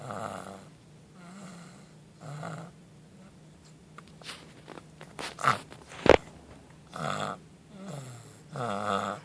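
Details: Light snoring: soft rhythmic snores with snorting breaths and a few sharp noises between.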